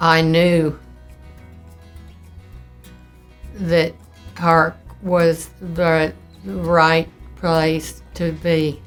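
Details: Older woman, aged about 76 when recorded in March 2019, about a year into a 5-year-8-month course of primary progressive aphasia, a neurodegenerative disease not caused by stroke, slowed by aphasia center therapy; speaking with pauses; primary progressive aphasia.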